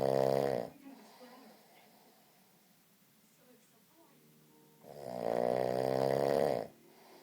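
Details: Sleeping person making loud, rattling, pig-like snorts on the breath, separated by quiet pauses: heavy snoring.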